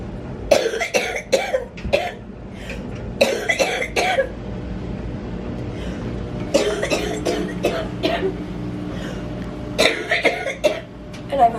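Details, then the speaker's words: Person with cystic fibrosis: four clusters of several wet, loose coughs over about 12 seconds with steady background hum; productive cough. "And I've just been coughing up some nasty stuff. kind of starting when I was downstairs and Peter started vlogging. You could probably hear me coughing."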